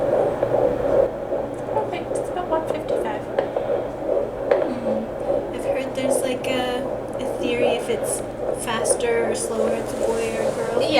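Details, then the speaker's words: Fetal heartbeat on Doppler during a midwife appointment at 13.5 weeks of pregnancy, first time heard, about 155 bpm, a normal rate for this stage; baby lying more on the right side. "yeah yeah so I think the theory is if it's faster it's a girl um and slower as a boy but usually at the beginning of pregnancy every baby's fast"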